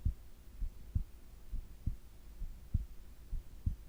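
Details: Heart and breathing sounds recorded during sleep: soft, regular low heartbeat thumps at about 66 a minute over a faint hum; normal heart sounds.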